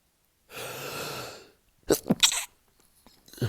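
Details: Man with a cold, sneezing 160–200 times daily and usually stifling: a long rushing build-up breath, then an explosive, messy sneeze with a sharp gasping intake, part of a small fit.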